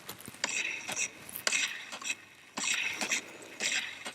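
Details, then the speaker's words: Infusion pump demo of removing air from the line without removing the giving set from the patient: repeated mechanical ratcheting whirs about once a second as fluid and air are drawn into a syringe. "you will see that the fluid will now come into the syringe and will remove any air that is in the tubing"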